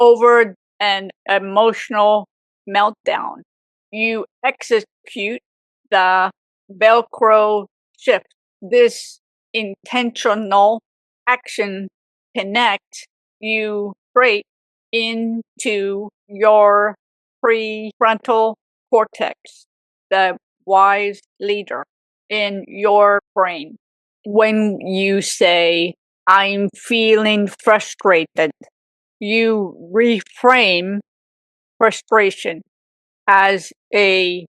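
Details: Aphasia with apraxia of speech in a woman 18 years after a severe stroke at age 44.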